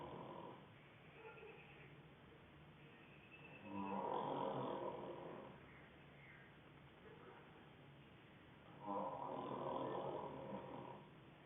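Two loud, rough snores on inhalation about five seconds apart, roughly 12 breaths a minute, with quieter breathing between; snoring.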